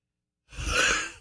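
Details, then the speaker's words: A person who had just been running gives a single loud, breathy, wheezy exhale after silence; heavy breathing after exertion. "can you get a little more of that wheezy sound oh my god that's that's froggy folks i'm here yeah i was just running"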